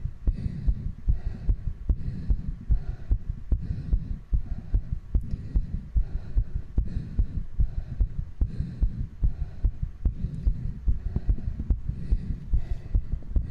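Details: Adult streamer's heartbeat after exercise, recorded with a binaural microphone: fast, steady thudding with some faint clicks; ordinary raised heart rate from exertion.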